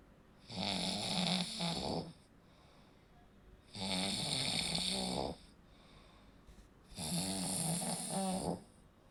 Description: Snoring is the sound produced when airflow is partially blocked during sleep, causing the tissues in the throat to vibrate.